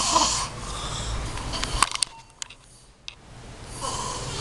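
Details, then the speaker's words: Person still asleep past rest time, snoring: noisy, rasping breaths with a faint whistling tone, separated by a quiet pause with small clicks, consistent with an adult snoring during sleep. "lihat kan kalau tadi orang ngorok udah bukan jam istirahat lagi masih tidur aja gakwat"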